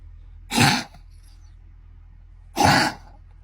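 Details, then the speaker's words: Senior rescue dog adopted from a shelter 11 days earlier, vaccinated, starts coughing at 4am. Two harsh, honking cough bursts; the owner suspects kennel cough. "are you judging him so it's like 4am and Chester started coughing it's probably kennel cough"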